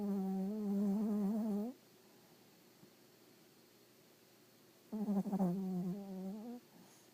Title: Little Dog Snoring Like a Human